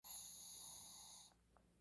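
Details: Shih Tzu dog snoring: a single high-pitched, whistling snore lasting about a second, then quiet; whistling snore.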